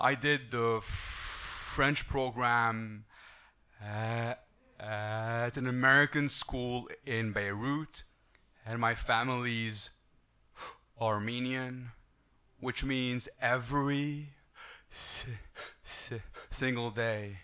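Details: Adult male who stutters and uses a breathing technique to control it, with audible part-word repetition; stuttering.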